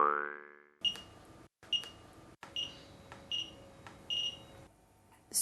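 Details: Series of short high electronic beeps as keys are pressed on a Gemstar PCA morphine infusion pump keypad, pressing End and entering the unlock code after automatic lock at start; normal device operation in a nursing training film.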